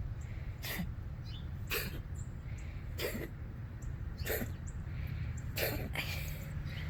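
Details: Cat gives five short, harsh hacking coughs about a second apart, owner thinks most likely a hairball; no further coughing afterward.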